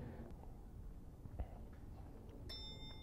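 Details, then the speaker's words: Patient with prior discomfort doing hip thrusts on a hip thruster machine: clicking from the hip during the movement, with the hip tending to drift to one side; hip clicking. "what was I doing when it started clicking so your hip wants to go this way"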